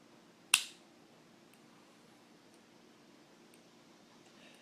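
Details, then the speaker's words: Single loud click as a new OmniPod insulin pump pod, applied over pinched-up fatty skin, automatically inserts its cannula: a needle drives in, leaves the tube, and retracts; basal insulin delivery then starts. This is a normal insertion sound. "that loud noise was actually the cannula which you can see on this old pod this little cannula right here actually inserting into my skin there's a needle that comes in leaves the the tube and retracts"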